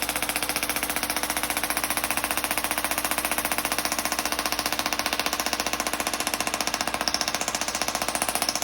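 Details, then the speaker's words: Loud, very regular buzzing pulses at about 130 a minute from an EPAT shockwave therapy device held on pain spots to break up scar tissue, adhesions and trigger points, given after laser disc decompression for herniated or bulging disc pain. "And we're going to do this after we did the decompression today. And let's show you what this looks and sounds like."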